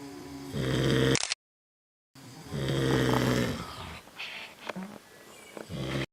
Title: Snoring in Keene Valley